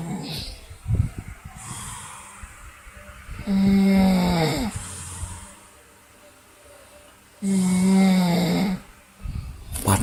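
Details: Deliberately imitated snoring in a snoring challenge: loud, buzzing snore-like sounds in two long bursts with breathy noise between.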